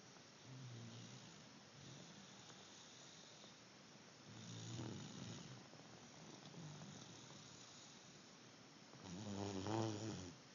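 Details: Snoring from a female, said to snore like her grandmother.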